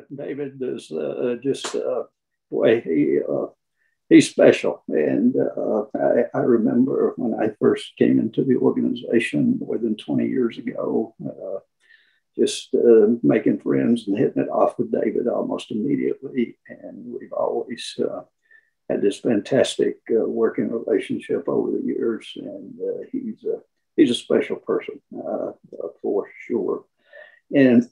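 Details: Adult speaker who counts himself among people with spasmodic dysphonia; spasmodic dysphonia.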